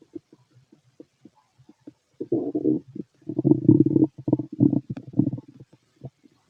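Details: Irregular gurgling and rumbling bursts over the abdomen of a fit adult male, recorded with a stethoscope, some brief and some longer runs; stomach growling, active normal bowel sounds.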